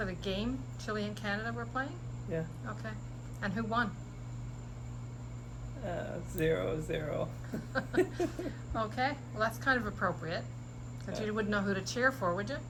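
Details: Adult interviewer; normal speech.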